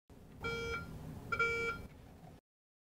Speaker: when a sponge or towel is located an audible beep will sound from the locator wand